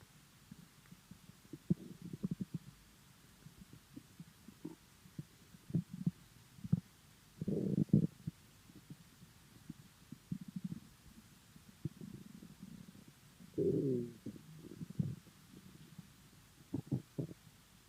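Irregular low gurgles and rumbles from an empty stomach: ordinary hunger bowel sounds.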